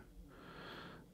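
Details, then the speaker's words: Pet dog snoring in the background while asleep, heard behind an adult's speech during a game. "um I don't know if you can hear my dog snoring in the background but uh my apologies if you can they're just sleepy little fellas"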